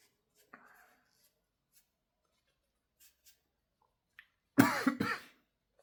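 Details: Adult deliberately inducing sneezes by snorting chinkini powder gives two quick, harsh reflex coughs after a near-silent stretch with faint sniffs, following inhaling a lot of the powder.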